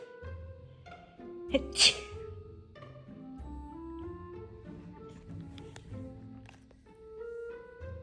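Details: A woman sneezing while her golden retriever tries to comfort her: a short, sharp sneeze burst over soft string music.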